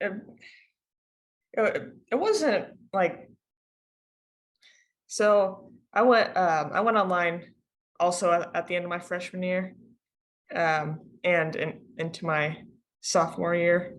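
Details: Female high school student who stutters, on a panel of people who stutter. She had online classes starting at the end of her freshman year. Stuttering.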